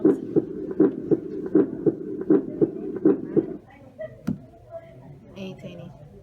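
Regular paired heart sounds at about 80 a minute, crisp and clean with no added sounds, a normal heart.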